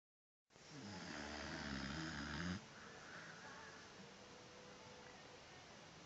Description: Over the music I heard Z-Z-Z-Z-Z-. WOW! Is there an old man in the house. My dog snores like a man